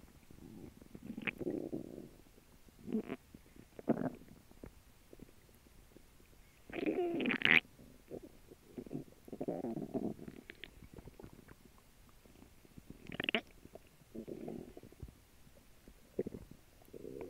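Soft gurgles and rumbles come and go, with a few higher squeaky bursts: active bowel sounds during digestion.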